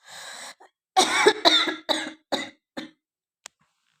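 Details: Woman who says her throat is hoarse and her voice has changed: an inhaled breath, then about six harsh coughs fading in strength; repeated coughing.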